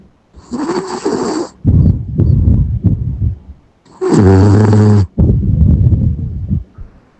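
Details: Sleeping Yorkshire terrier snoring: low rumbling breaths with a fluttering, buzzing tone on inspiration, over two breathing cycles.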